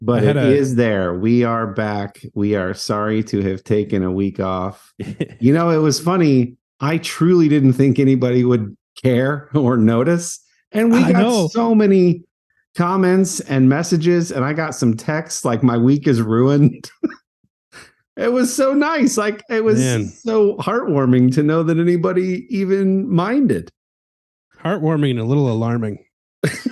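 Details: Adult male speaker; normal speech.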